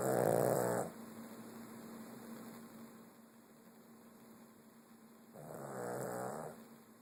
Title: Mochya's snoring